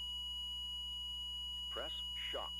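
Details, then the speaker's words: Defibrillator (ZOLL M Series) automatically charging to its pre-selected energy after a shockable rhythm is detected and a shock advised, showing a charging message: a steady high electronic tone with a brief voice prompt. "if so configured the defibrillator will automatically begin charging to the pre-selected energy setting and display a charging message"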